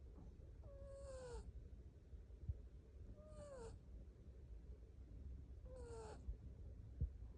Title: Hilarious cat sleeps and snores. #cat#kitten#felinehealth#catlife#catlover#catlover#pets#cats#yt